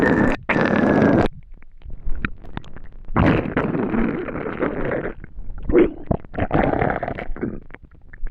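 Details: Empty stomach after not eating for a day: loud gurgling, squeaking rumbles and pops; hunger-related borborygmi, a normal finding.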